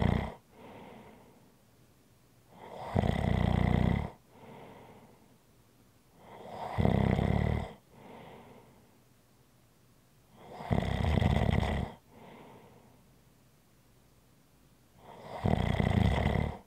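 Loud, rattling snores on each in-breath, with a softer breath out between, about 14 breaths a minute.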